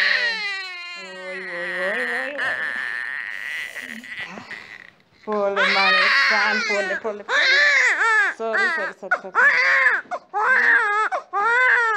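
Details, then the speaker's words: Six-week-old baby boy crying in repeated loud bursts with brief breaths between after six-week vaccination injection at a government hospital; normal pain cry, less than expected, with room talk. "we are done and the bee has cried but not so much so you are going home now"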